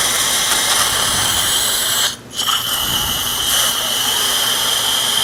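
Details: Loud, continuous high-pitched whine with one brief drop, then it resumes: a dental implant drill preparing sites in the upper right jaw of a 71-year-old woman with periodontal tooth loss, near the sinus and fresh extraction sockets.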